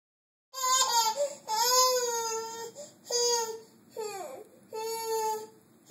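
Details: Infant crying in several drawn-out, high wailing bursts with brief pauses for breath; an ordinary crying spell.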